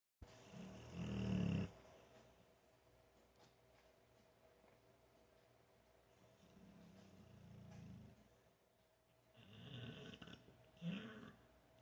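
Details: American Bulldog asleep on a couch, snoring non-stop, recorded from six feet away with no microphone or amplification: low, rumbling snores, about four breaths in twelve seconds, with faint room noise.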